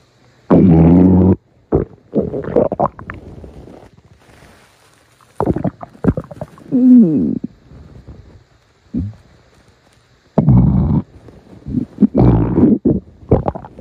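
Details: Loud, long, gurgling stomach growls with rumbling and bubbling runs: borborygmi, ordinary bowel sounds.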